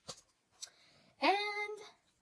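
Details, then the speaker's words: Woman's stomach growling during a talk, noted as strange: two soft clicks, then a rising squeaky gurgle lasting under a second; borborygmi. "did you guys hear that? I don't know why my stomach just growled really strangely."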